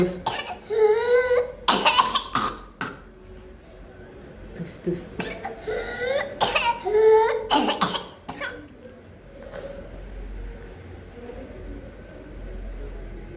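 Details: Two runs of harsh, rapid, uncontrollable coughs, each ending in a high-pitched crowing "whoop" on inhalation; pertussis (whooping cough).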